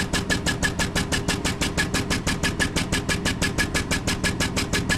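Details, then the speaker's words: HFO 3100B high-frequency oscillatory ventilator running at 5 Hz (300 breaths/min), inspiratory time 0.33, during amplitude adjustment: rapid, steady mechanical pulsing with motor hum. "So in Babyland, this sounds a lot faster."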